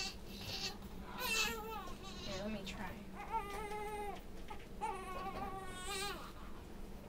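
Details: An infant on day 96 in the NICU cries during burping, with repeated wavering, high-pitched wails in several bursts and brief pauses. Infant crying.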